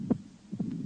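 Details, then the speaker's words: Mitral stenosis heard at the cardiac apex: loud snapping (clapping) first heart sound, mitral valve opening snap, then a soft rumbling diastolic murmur. "при митральном стенозе на верхушке слышен хлопающие первый тон щелчок открытие митрального клапана и диастолический шум шум"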